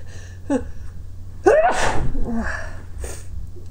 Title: trying to stiffle and hold my sneezes back